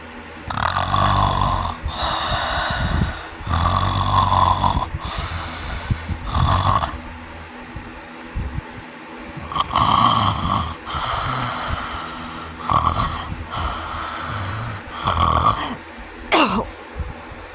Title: sleep apnea snoring